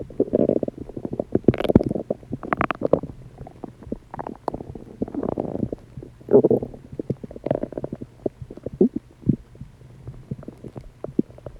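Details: Loud digestive noises from a person's stomach: frequent gurgles, squelches and rumbles in irregular bursts; active, ordinary borborygmi.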